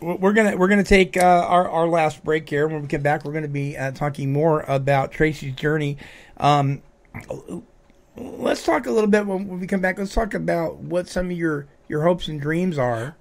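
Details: Adult male radio host; typical speech.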